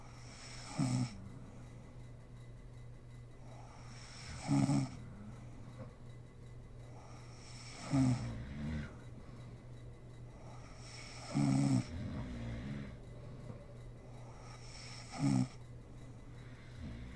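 Regular snores about every three and a half seconds, around 17 a minute, over a steady room hum.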